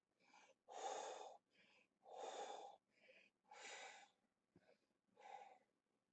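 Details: Adult man with cystic fibrosis during lower lobe chest therapy, with rattling in his chest: four forceful, rough, wet exhaled bursts alternating with softer inhalations; productive cough clearing sputum.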